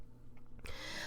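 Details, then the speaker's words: Woman who says she is not feeling well and is gasping while talking: a brief quiet pause, then a sudden loud, noisy gasping intake of breath between phrases. "you know when you don't feel good everything comes to a screeching halt in my life um especially when as you can hear i'm like gasping"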